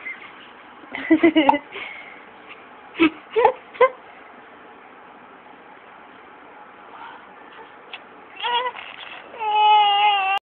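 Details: Baby with hiccups: short, squeaky catches of breath in a brief run between whimpers, ending in a short cry.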